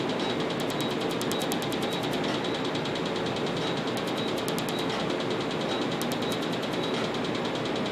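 Rapid runs of snapping clicks over a steady loud hiss, like a fan or suction: a laser tattoo removal device firing pulses.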